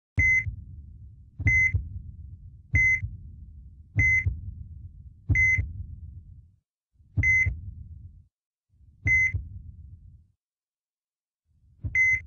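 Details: Stock footage of an EKG heart monitor: beeps with each beat, slowing and becoming irregular toward the end; no flatline tone is heard.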